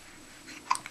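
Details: Newborn baby boy, 5 days old, on his first night home, hiccups before feeding: a single soft, abrupt click-like catch in a quiet room, a newborn hiccup.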